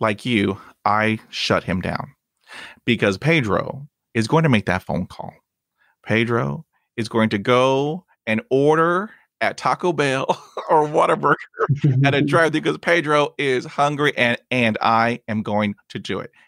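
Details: Adult man who stutters, with stuttering blocks and repetitions.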